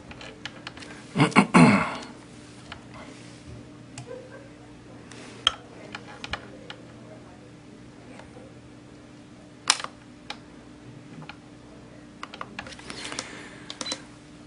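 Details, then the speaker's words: YAG laser vitreolysis of a C-shaped Weiss ring eye floater: scattered sharp clicks and snaps over low room hum, exaggerated because the microphone sits right next to the laser. "One of the problems with video recording is with the camera setup, I have the microphone is sitting right next to the laser, so these little clicky, snappy things that we're hearing sound like you're blasting a photon cannon or something at it."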